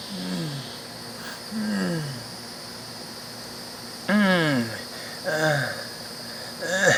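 Harsh, musical, high-pitched breath sounds that slide down in pitch, typical of stridor from a narrowed upper airway.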